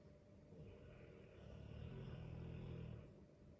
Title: Dogue de Bordeaux - If you are annoyed by your partner’s snoring listen to this 💤😂